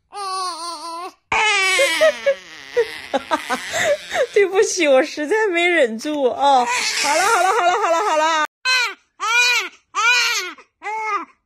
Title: Newborn babies crying. Cute baby lovely moments.